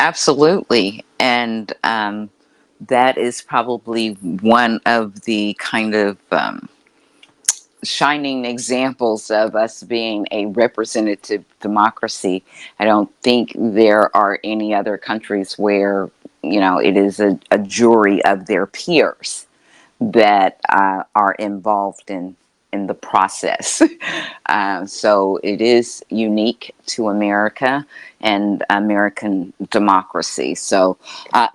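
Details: Adult interviewer; typical speech.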